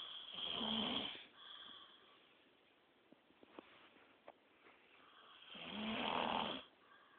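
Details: Two long, rough, rattling snores on the in-breath with a quiet pause and faint clicks between: ordinary snoring.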